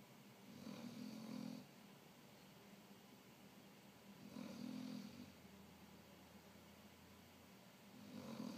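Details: Sleeping mastiff puppy snoring: soft, regular low snores recurring roughly every 3.5 seconds over steady room noise.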